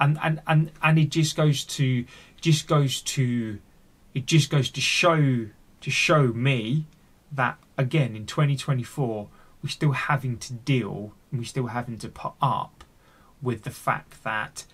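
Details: Real, unedited speech of an adult man who stammers and is on a speech therapy journey; stuttering.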